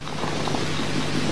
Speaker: And then moving on, we have coarse crackles. These are louder and low pitched.